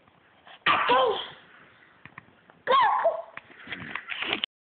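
Two explosive sneezes about two seconds apart, the second followed by a few short breathy sounds.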